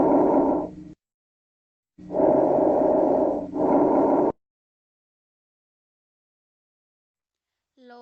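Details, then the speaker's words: Normal bronchovesicular breath sounds heard over the first and second intercostal spaces and between the scapulae: soft rushing breaths, with inspiration and expiration nearly equal and of intermediate intensity and pitch. "caso del murmullo bronco vesicular los ruidos inspiratorio si respiratorios son casi iguales su intensidad y tono son intermedios y es audible en el primer y segundo espacio intercostales y entre las escápulas"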